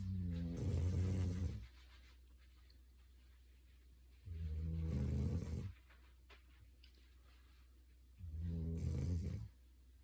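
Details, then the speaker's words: Three deep, rattling snores about four seconds apart with quiet pauses, from a sleeping female dog, thought to have played a lot that day. "Well, she's snoring. Do you think she's played a lot today? I think so."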